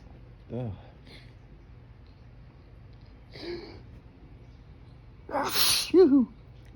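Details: Strong morning allergy sneeze outdoors in breezy, pollen-filled air while trying to hold it back with fingers pressed to the nose: several voiced catching breaths build up, then one explosive sneeze with a short vocal trail.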